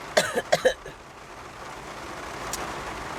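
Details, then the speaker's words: Adult woman still getting over a recent bug, describing a dry morning cough: a quick run of short, dry coughs, a quiet stretch, then one more brief cough. "I'm doing okay kind of like a dry cough this morning um still trying to get over this bug that I had got"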